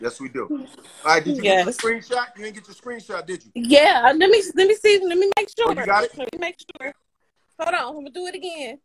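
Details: Adult speakers in conversation; Normal voice.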